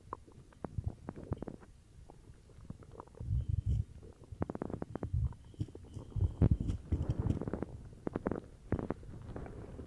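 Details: Stomach growling (borborygmi) recorded after drinking cola: gurgling, bubbling rumbles in irregular bursts over several seconds; ordinary bowel sounds.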